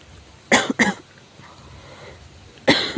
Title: 咳が酷 severe cough